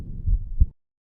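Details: A 34-year-old male after the farmer's walk exercise, recorded at the mitral (bicuspid) valve area: two low heart thuds in a brief recording, normal heart sounds with clean valve closure.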